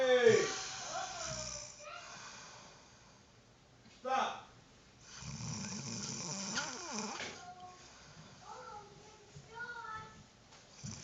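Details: Snoring from a sleeping girl who kept snoring for a long time: noisy, rattling snores mixed with a few brief voiced murmurs in a quiet room.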